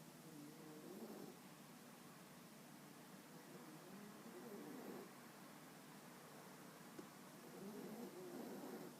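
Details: Soft, low rattling breath noises rising and falling with each breath in a sleeping female dog; snoring.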